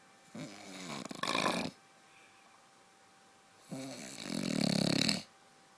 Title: Husband snore like a truck